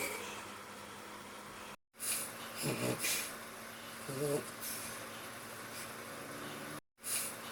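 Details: Snoring of an adult man asleep: two short, rough, low snorts rising out of steady room hiss, with brief cuts in the recording.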